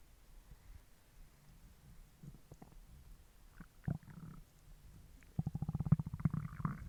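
Low gurgles building to a long, rapid rattling growl from an empty stomach, ordinary hunger rumbling.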